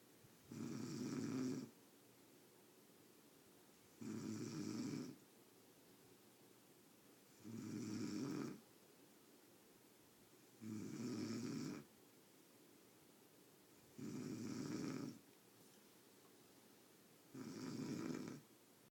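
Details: Six regular rumbling snores, about 18 a minute, each on the in-breath with quiet pauses between, in deep sleep; steady snoring.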